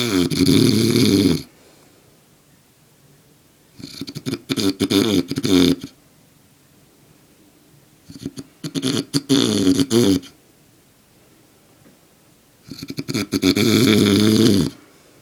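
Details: Adult man sleeping soundly, heavy snoring: loud, harsh, fluttering snores on each in-breath, about four in fifteen seconds, separated by quiet pauses.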